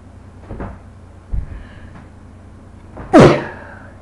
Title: Me sneezing for four minutes